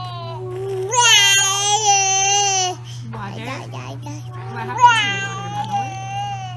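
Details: 5-year-old girl with Down syndrome showing slow speech, varying loudness, monotone speech and imprecise articulation; childhood dysarthria.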